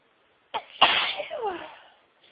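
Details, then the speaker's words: Single sneeze within a sneezing spell at home, after sneezing all day at work, following stuck, teasing build-ups: a short breath in, then one forceful sneeze with a trailing voiced release. "Oh. I'm gonna sneeze. Keep teasing me and getting stuck. Oh, bless me."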